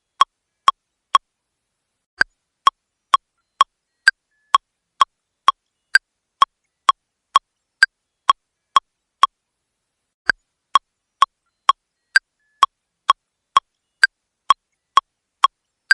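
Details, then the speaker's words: AED training demonstration after shock delivered, prompting five cycles of CPR: steady sharp electronic metronome clicks at about 110 a minute with one pause, pacing chest compressions. "It's now safe to touch the patient. Begin five cycles of CPR now."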